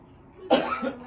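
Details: A single abrupt cough burst with a brief rougher tail over quiet room noise, from an adult with cough and breathlessness for 2 weeks and a hard abdomen, during a nerve therapy session.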